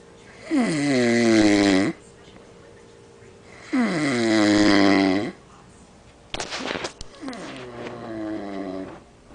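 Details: Sleeping; loud rumbling snores about 1.5 seconds long recurring every few seconds, separated by quiet breathing, with a brief rustle between; snoring.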